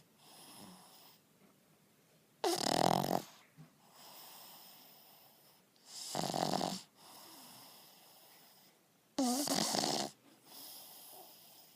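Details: Pug in deep sleep after a hard day and a big dinner, snoring: loud, harsh snorting snores about every three seconds, roughly 18 a minute, with softer wheezy breaths between.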